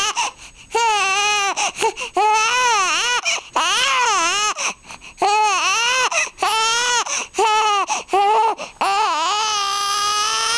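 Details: Loud, rhythmic infant crying in repeated wailing bursts with brief gasps between them: a baby crying for food, a hunger cry.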